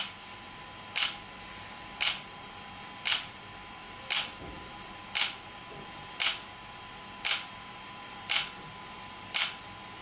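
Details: An extracorporeal shock wave therapy (ESWT) device used for muscle and bone pain relief, with the patient's feet placed on a support: sharp, regular clicking pulses at about one per second, nine in ten seconds, over a steady hum.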